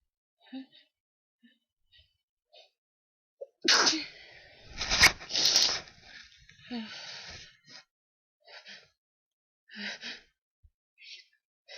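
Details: Person woken from sleep by a sneezing fit, recorded on a handheld mic: a quiet, sleepy stretch, then a sharp indrawn breath and a loud explosive burst: a single sneeze, then soft rustling.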